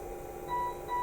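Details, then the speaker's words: Two steady electronic alarm tones over quiet room noise: a yellow alert from a Colin BX-10 patient monitor after the finger is removed from the SpO2 sensor and no reading is possible. "that's what happens now it cannot measure anymore that gives a yellow alert um and if we go below uh the alert level here we get a red alert which tells the nerves that something bad is happening"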